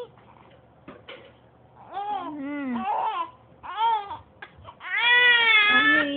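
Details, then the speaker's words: Infant crying in short bursts, a bright rising and falling tonal wail in a quiet room; the baby reportedly stops crying when a cellphone is pointed at it. "hala umiiyak yung baby umiiyak yung"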